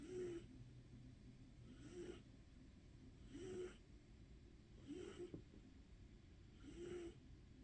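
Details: Soft, regular snoring from a sleeping, dreaming pet at about 18 breaths a minute, each in-breath with a faint whistling tone.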